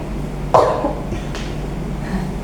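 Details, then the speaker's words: Effective cough technique demonstrated by a female patient guided by a nurse: after three breaths in through the nose for 4 seconds, held 2 seconds, out through the mouth, a short forceful muffled cough into a tissue, then a softer second burst. "Nah, jadi itulah cara batu efektif yang benar untuk menghindari sekret yang berlebihan di tenggorokan Ibu."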